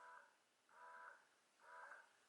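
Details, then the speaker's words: Motif Duo electric breast pump cycling on frequency cycle one, one of its speed settings, with an audible change between cycles: soft rhythmic whirring pulses about one a second. "now I'm on cycle one you can noticeably hear a difference as well"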